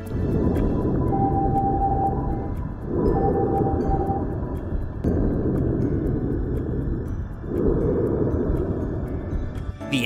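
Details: Soft, rushing breath sounds heard through a wireless noise-cancelling stethoscope in slow, even cycles, with faint background music; normal breath sounds.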